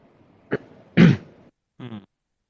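An adult man clears his throat with a short burst, a stronger rasping push, then a brief voiced sound.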